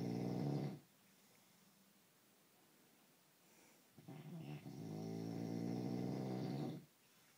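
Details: Sleeping adult male (husband); two deep, rumbling snores a few seconds apart with quiet pauses, in a small quiet room; an anti-snoring foam spray did not help; snoring.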